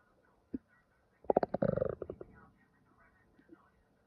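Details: Stomach growling: a short burst of low gurgling, bubbling rumbles with a few faint pops; ordinary borborygmi from gas and fluid moving through the gut.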